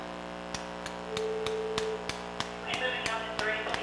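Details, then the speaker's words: Arthroscopic repair of a type II SLAP tear with a single anchor: about a dozen sharp, evenly spaced mallet taps driving the suture anchor into bone at the biceps tubercle, over a steady equipment hum. "I'm going to just drill nice hole here there's the line I'm put this anchor right here down we'll Mallet"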